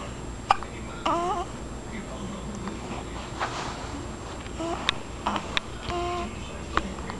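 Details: Baby sitting up on her own: short, sharp hiccup clicks about every second, with soft baby vocal sounds in a quiet room; infant hiccups.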